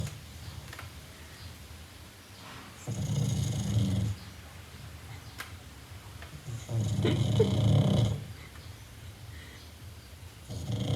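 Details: Sleeping pug snoring with loud, low, rattling breaths roughly every four seconds.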